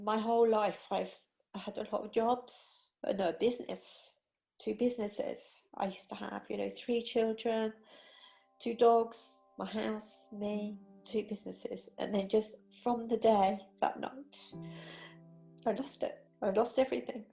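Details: Aphasia in a woman after a stroke in her sleep about 18 months earlier, with difficulty with numbers, word finding, understanding fast or male speech, and reading.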